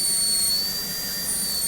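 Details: Steady high-pitched whine of a high-speed dental drill cutting tooth during a Class II box preparation near the adjacent tooth, typically done with a 330 bur in a dentistry teaching session; faint room noise underneath.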